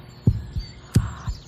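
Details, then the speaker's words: Normal heartbeat in a children's health program about the heart and circulation: steady paired low lub-dub thumps at about 85 beats a minute. "I hear something listen closely and see if you can hear it too it sounds like ldb ldb"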